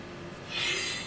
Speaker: Push all the way a little more. And deep breath in.